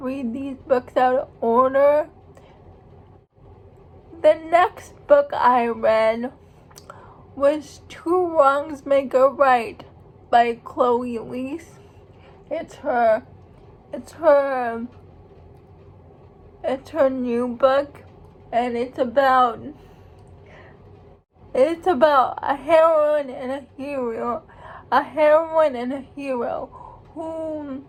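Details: Speech of a young woman who states she has cerebral palsy; speech in cerebral palsy.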